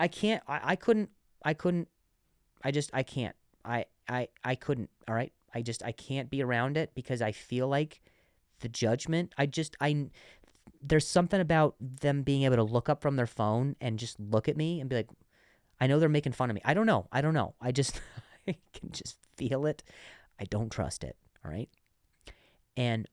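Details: Adult man who has stuttered and still sometimes stutters; stuttering.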